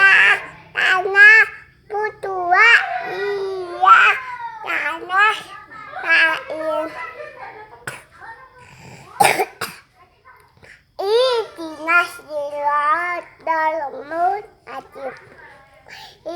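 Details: A young child recites Surah Al-Fatihah in a high, clear voice, breaking off midway for two short, sharp coughs.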